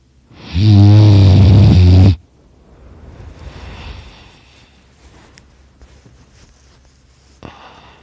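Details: Person napping on a couch snoring very loudly in a quiet room, with snoring that hurts their throat a little: one loud, deep, rumbling snore lasting over a second, then quieter breathing; ordinary snoring.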